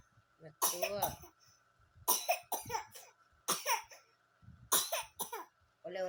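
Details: A child coughs repeatedly while laughing, in short paired bursts with pauses between.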